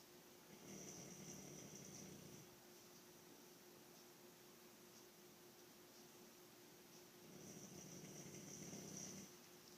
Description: Dog snoring